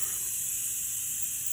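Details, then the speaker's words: New oxygen tank with a digital-display regulator at about 1826 psi, opened to 6 liters a minute before attaching patient tubing: a steady hiss of oxygen flowing from the regulator, confirming flow. "so if i turn this to 6 liters a minute i can hear that oxygen coming out i want to do that before attaching the tubing because that really sometimes silences the tank"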